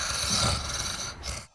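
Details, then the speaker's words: Snoring respirations played as an emergency airway-assessment teaching example: harsh, rattling, rasping breath noise over about a second and a half, from the tongue falling back and partly blocking the upper airway; audible with or without a stethoscope. "그래서 스노링은 혀가 처진 거,"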